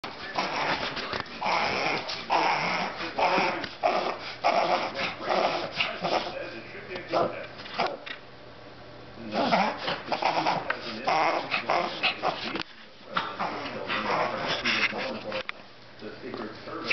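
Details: A pet dog with recurring reverse sneeze problems makes runs of loud, rapid snorting inward breaths with brief pauses while being reassured: a reverse sneeze episode.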